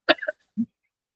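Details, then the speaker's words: An adult teacher, who mentions having a slight cough during a live class, gives a single sharp, dry cough followed by a short low throaty grunt like clearing the throat. "ഇത്തിരി ചുമയാണ് അതുകൊണ്ടാണ് ബുദ്ധിമുട്ട് കേട്ടോ പറഞ്ഞു തരാനായിട്ട് ഇപ്പൊ ഫാനിന്റെ കാലത്തൊക്കെ ഒത്തിരി ബുദ്ധിമുട്ടുണ്ട് അതുകൊണ്ടാണ് കേട്ടോ"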